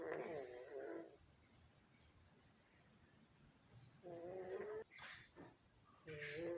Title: My 🐈 Cat Rocky, snoring...Gato Rocky Roncando 😴🤭😸😹